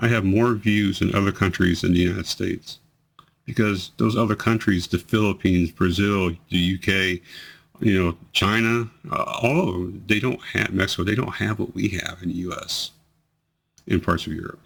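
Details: 43-year-old man with multiple system atrophy, 2 years 3 months into the disease, bladder problems preceding other symptoms, reports worsening slurring, delayed word onset, hesitancy and voice tremor; dysarthria in multiple system atrophy.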